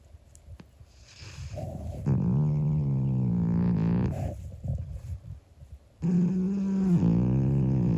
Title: Cat snoring loudly! 25 year old (young) calico cat Monkey